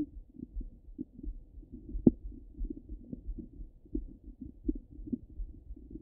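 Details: Ordinary bowel sounds heard through a stethoscope on the abdomen: soft irregular gurgles and low rumbles with one louder burst.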